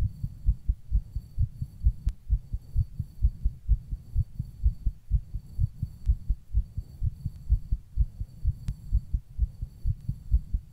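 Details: Own heartbeat recorded while rebreathing into a plastic bag: steady, fairly quick low thumping at roughly 120 to 130 beats a minute.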